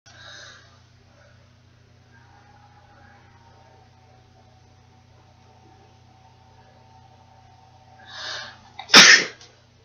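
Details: A single sharp sneeze right after a quick in-breath in a quiet, faintly humming room, from a person who had just been crying and then blows their nose.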